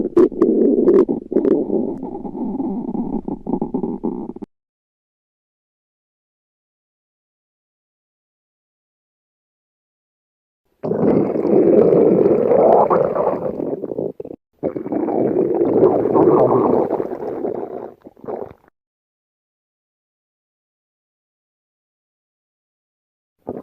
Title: Stomach growling